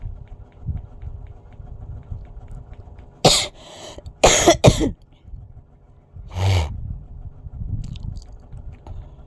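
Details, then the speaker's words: Four harsh coughs, three in close succession and one a moment later, against quiet room noise, from an adult with a fever who says they are coughing. "Inuubo po ako guys dahil may lagnat po ako."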